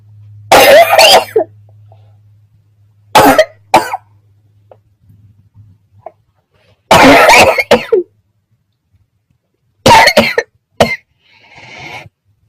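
Four bursts of harsh coughing, each of several quick coughs, separated by quiet pauses; repeated coughing.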